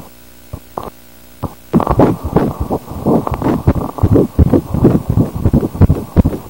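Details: Fetal heartbeat on Doppler during a 10-week pregnancy ultrasound, with the baby seen moving: fast, rhythmic whooshing pulses, about 165 beats a minute.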